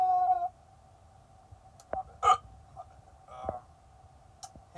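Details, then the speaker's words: Man hiccuping nonstop for about three hours, with an acid-reflux burn, despite holding his breath and drinking water upside down: several sharp, abrupt gulping hiccup clicks over a few seconds against a steady background hum. "i've been hiccuping now for the past like three hours i've tried holding my breath um i've tried drinking water upside down uh pretty much tried everything in the book"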